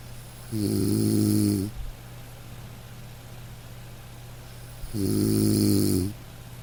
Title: Soothing??? Snoring sleep sounds!